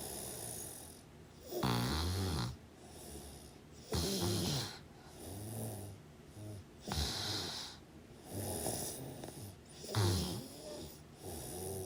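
Deep, rattling snores roughly every two to three seconds, with softer noisy breaths between: heavy snoring.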